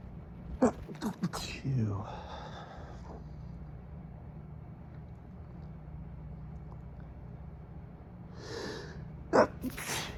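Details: Several muffled, held-back sneezes in a quick cluster, then a pause and two more, over motel air-conditioner hum at 3 a.m.; an adult man with an itchy, runny nose during high pollen has an intensifying stifled sneezing fit.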